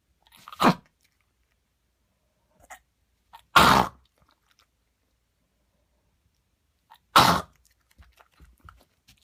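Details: Male patient coughing since running in the park yesterday, now in fits every few seconds for several minutes, sometimes small spasms, sometimes as if trying to cough something up but unable; cough.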